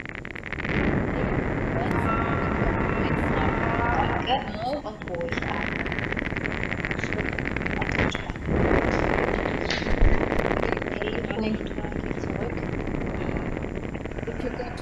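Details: Laryngeal EMG recording of a paralyzed vocal fold, a teaching demonstration with a simulated insertion potential, followed by electrical silence; a decreased interference pattern is also noted on the right side.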